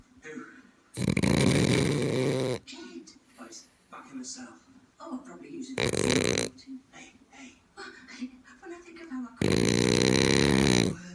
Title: Snoring ziggi the French Bulldog